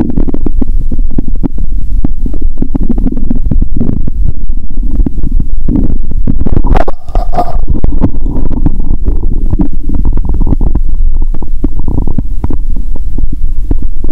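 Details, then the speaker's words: Bowel sounds (borborygmi) heard by stethoscope after drinking cola with Mentos, near the heart, stethoscope pressed firmly: continuous loud low rumbling and gurgling. "Bạn có thể nghe thấy âm thanh của dạ dày ngay cả khi ở gần tim. "Tôi sẽ ấn mạnh ống nghe và nghe ♪"."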